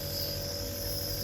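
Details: Nebulizer compressor with mask and medication chamber, set up for a small child, switched on and tested before use on the patient: steady, loud motor hum and buzz of the running compressor.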